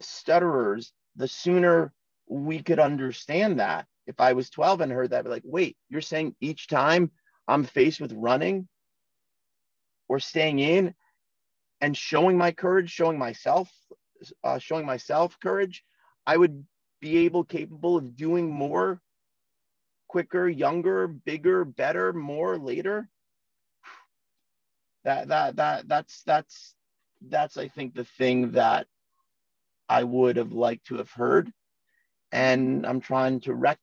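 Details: Adult male in his 40s who has stuttered since childhood, heard in natural conversational speech: stuttering.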